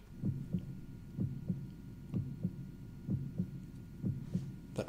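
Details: Simulated heartbeat track from a Sound Oasis S-6000 tinnitus and sleep sound therapy machine, played for relaxation: steady paired low thumps at about 63 beats a minute.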